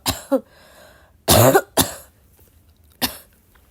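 About five harsh, partly voiced coughs come in quick succession within four seconds, a short coughing fit.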